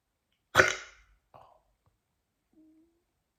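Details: Hiccups after waking up: one sharp, abrupt voiced catch followed by fainter small gulping sounds.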